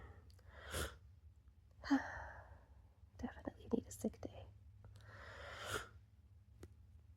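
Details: Several sharp, breathy sneezes with quick inhaled catches between them, from a person with a cold whose nose is tickled by the smell of Vicks; a run of sneezes.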